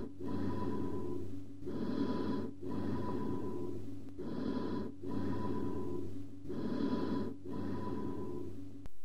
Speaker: Emphoric type of bronchial breath sounds heard over a large smooth-walled cavity or a communicating hydropneumothorax. Note the low-pitched breath sound with high-pitched echo-like overtones.